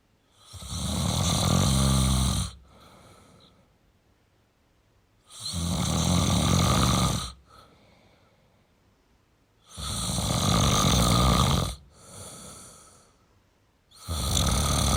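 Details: Loud, rough, rattling snores on each in-breath with quieter out-breaths, about 14 breaths a minute: steady snoring from a sleeping male.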